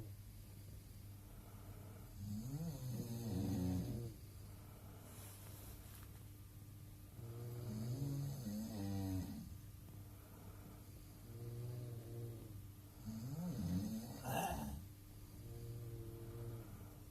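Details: Adult snoring in a hostel dorm in Queenstown, recorded quietly, with rhythmic rattling snores about every five seconds (about twelve breaths a minute) over a steady background hum.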